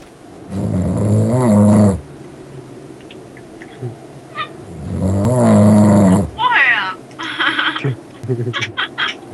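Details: A sleeping adult who dozed off: two loud, rough, low fluttering snores on breathing in, about fourteen breaths a minute.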